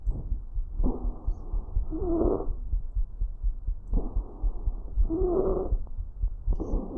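Harsh, high-pitched noisy breathing at about 19 breaths a minute: stridor from narrowing of the large airways.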